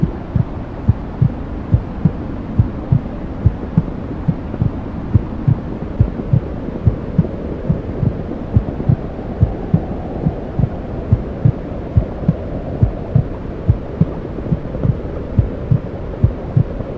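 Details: Womb sounds played for 10 minutes to help a newborn sleep: steady low whooshing with regular soft thumps of the maternal heartbeat, as heard from inside the womb.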